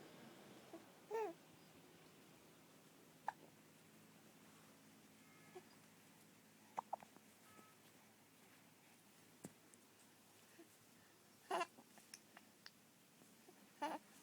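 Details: Three faint, brief hiccup-like bursts over about 14 seconds while relaxing on a couch outdoors, with soft background hum; hiccups.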